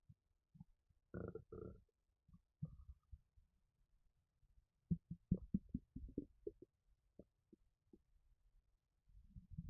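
Quiet low gurgles, rumbles and sloshing bursts with irregular spacing; ordinary stomach gurgling after a fizzy drink.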